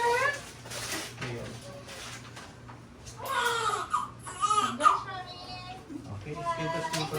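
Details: Newborn baby girl's repeated high, wavering cries right after a natural vaginal birth to a first-time mother, with adult voices, applause and soft music; a healthy first cry after birth.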